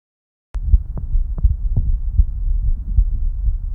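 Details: Normal heart sounds recorded with a mobile stethoscope covered by a superhydrophobic layered surface: regular, low, muffled heartbeat thumps at about 80 beats a minute over a steady low hum.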